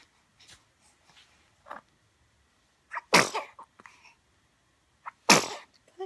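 Two loud, explosive sneezes, each preceded by a quick catching in-breath; ordinary sneezing.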